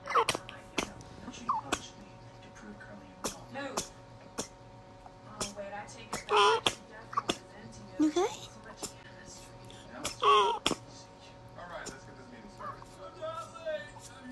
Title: Cute Little Groundhog Sneezes Continuously